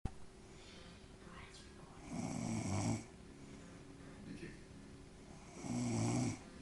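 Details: Adult woman (mother) gives two low, rumbling snores on the in-breath, about three seconds apart, with quiet room noise between; snoring.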